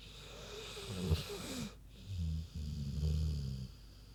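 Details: Sleeping pig snoring at rest: deep grunting snores with a snort; ordinary sleep snoring.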